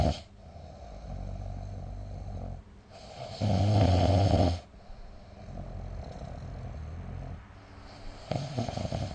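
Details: Snoring during sleep recorded with the SnoreLab app: repeated rough, vibrating breaths, one notably louder and harsher than the rest.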